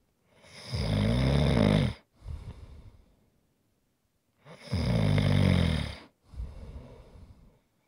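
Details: ASMR snoring for relaxation: loud rattling snores on each in-breath with a softer out-breath, roughly fifteen breaths a minute; snoring.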